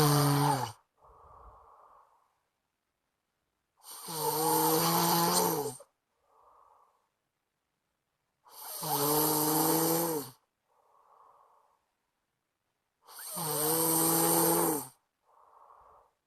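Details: Friend snoring in sleep loudly enough to keep the recorder awake; loud, harsh, rattling snores on each in-breath with quieter out-breaths, about 13 breaths a minute.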